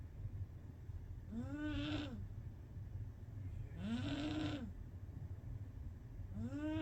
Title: Loudest kitty snores ever!! Lol! #cuteanimals #cats #kittysnores